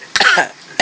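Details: A young child gives a short, deliberate fake cough: one burst with a brief voiced tail, then another starting; voluntary cough.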